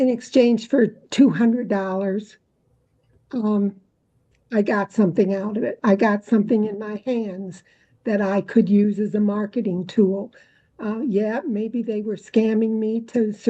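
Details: Adult woman speaking; normal speech.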